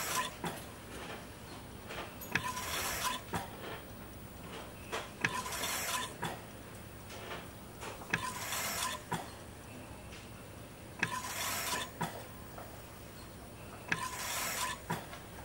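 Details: Sound-effect ventilator recording, not a patient: rhythmic air whooshes about 20 a minute with mechanical clicks and short tone beeps, mechanical ventilator.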